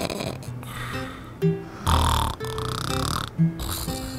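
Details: Husband snoring: loud, rough snorts recurring every couple of seconds, with music playing in the background.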